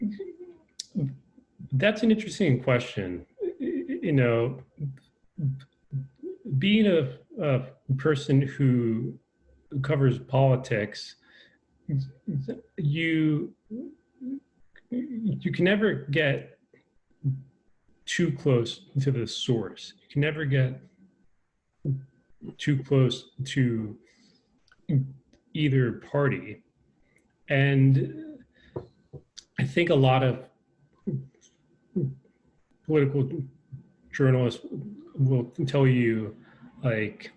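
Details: Adult man with a lifelong stutter, a real person who stutters, who says he is less fluent over Zoom; stuttering.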